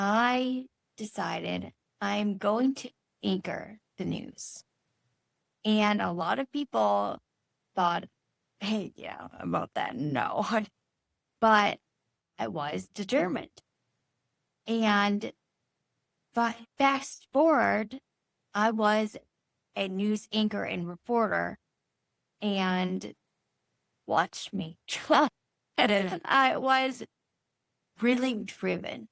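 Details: Adult woman, stroke survivor nine years after a brain bleed treated with surgery, with chronic aphasia and apraxia; Broca's aphasia with apraxia of speech.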